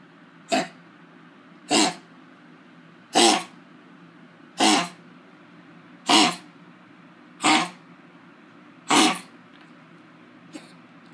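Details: Dog with kennel cough giving seven harsh, honking coughs in a steady series.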